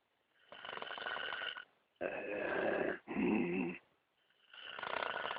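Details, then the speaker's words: Adult man asleep on a canoe trip, described as drunk snoring: harsh, raspy snoring with long rattling breaths in and snorting breaths out in quick succession. "very nice I can't believe Theresa can't sleep to you it's so calm and and beautiful sounding"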